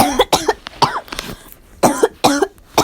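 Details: Harsh, voiced, forceful coughs in quick clusters, about six in under three seconds; a repeated coughing fit.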